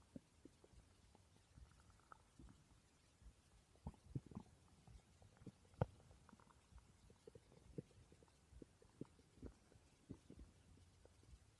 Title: My stomach growling while I slept, 600 subscriber special ❤️